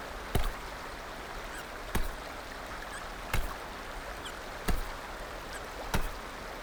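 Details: Baby girl with five brief, sharp hiccups about every 1.3 seconds (about 44 a minute) over a quiet background.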